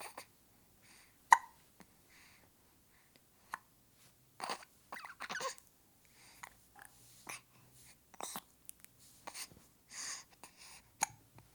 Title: 7 week old baby girl, hiccup